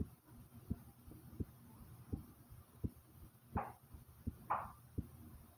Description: my heartbeat starting slow then rises